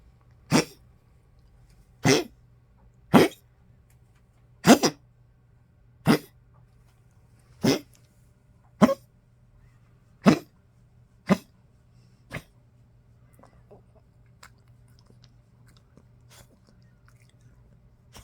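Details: Old Poodle waking and coughing in cold weather: a run of about ten short, dry coughs, then settling quietly back to sleep.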